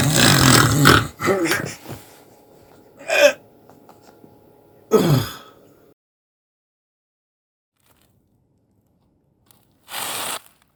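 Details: Acted snoring in a comedy sketch: a few loud, rough, rattling snorts separated by quiet pauses, then a softer breath near the end; snoring from vibration of the relaxed soft palate.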